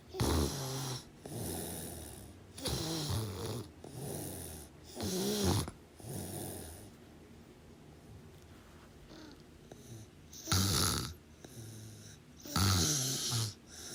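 Rough snoring bursts with snorts and hissing out-breaths, somewhat irregular; snoring during sleep.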